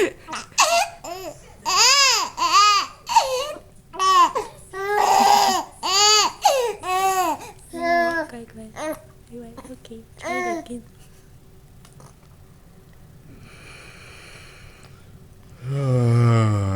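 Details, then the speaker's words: Two-month-old baby scared by daddy's yawn: rhythmic high-pitched wailing bursts fading to quiet, then another cry starting; startled infant crying. "okay I told you I yawned started to cry like why"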